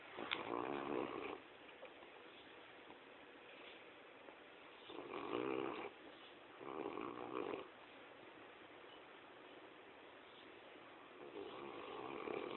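Rhythmic rough snoring breaths, about four in the clip with quiet pauses between; snoring in sleep.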